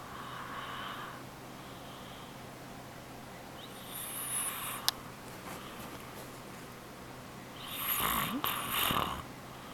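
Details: Adult father snoring while asleep: breathy, hissing snoring breaths recurring over a steady room hum, with a snort-like burst near the end.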